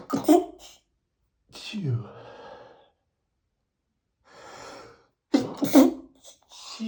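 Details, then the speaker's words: Male, self-described as allergic to perfume, sneezing after spraying perfume under his nose: several sharp explosive sneezes separated by sighing breaths in a quiet room. "Sometimes I get tired of sneezing so much. I guess I should try to avoid spraying perfume right under my nose."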